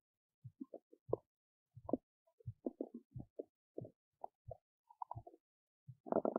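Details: Belly noises recorded while digesting oats: irregular gurgles, pops and squeaks ending in a short bubbling burst, ordinary bowel sounds of digestion.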